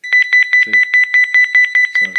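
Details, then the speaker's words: Angelcare Deluxe movement monitor with under-mattress pressure mat, demonstrated with infant removed from bed: rapid, shrill, evenly pulsed high beeping (about ten a second) with low murmurs beneath; alarm signalling no motion/breathing detected. "now what it does is once it stops it gives a warning so let's say she stops smothing stops breathing heard that beep So within a second this thing's going to go crazy on us"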